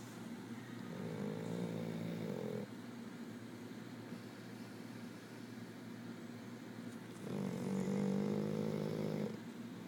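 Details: Loud dog snoring: two drawn-out, buzzing snores several seconds apart against a low steady hum.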